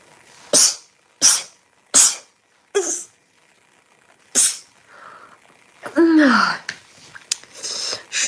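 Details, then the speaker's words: An adult on a livestream, who says they have been sneezing constantly lately, gives a rapid run of five sharp sneezes followed by a brief vocal sound. "Я чихаю постоянно на стриме"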